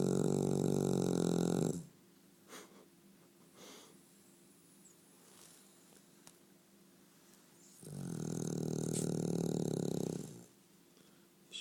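Two long, loud, rumbling breaths about six seconds apart with quiet between: a dog snoring, roughly ten breaths a minute.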